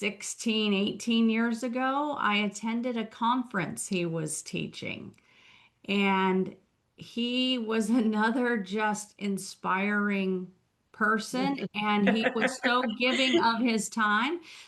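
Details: Adult woman speaking; ordinary speech.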